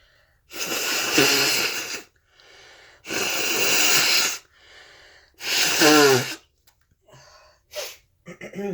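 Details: Three loud sneezes into a snotty handkerchief, each a noisy explosive release with short breaths between, then softer sniffs; sneezing.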